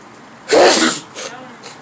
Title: Outside Sneeze